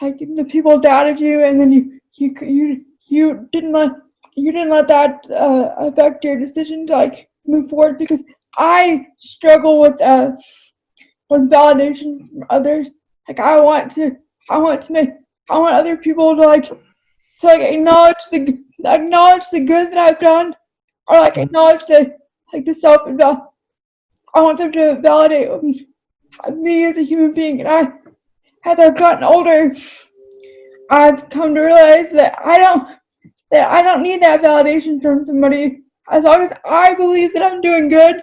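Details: Dysarthria in an adult woman with cerebral palsy, who says talking takes a lot of effort for her.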